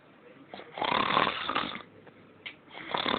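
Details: Adult snoring during sleep: a harsh, rough snore with a snorting quality, followed by quieter breaths and the start of another snore.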